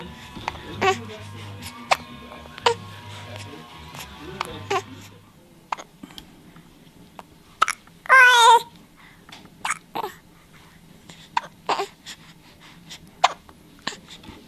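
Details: Infant with hiccups: about ten short, sharp hiccups over fifteen seconds, mixed with babbling and a brief squeal, with music in the background.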